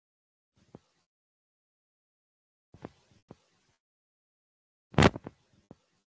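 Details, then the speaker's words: Needle EMG insertion activity: brief crackling bursts as the needle is inserted, followed by a few short extra discharges that can be normal; post-insertion activity counts as abnormal only if it lasts over 3 seconds. "Digamos que para que después de una actividad de inserción, para que una alteración pueda ser propiamente dicha como anormal, tiene que durar más de 3 segundos."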